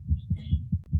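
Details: Normal heart sounds.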